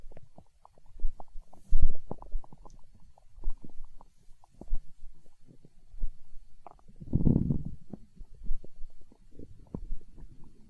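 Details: Hunger stomach growl recorded for ASMR: low, irregular gurgles and rumbles with a longer growl midway; normal borborygmi.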